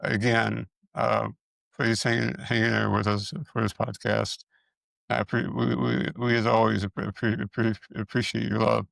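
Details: Man with multiple system atrophy, parkinsonian type (MSA-P), who reports his speech has more of a stutter and tremor, more noticeable after the first two minutes; dysarthria with stuttering-like repetitions.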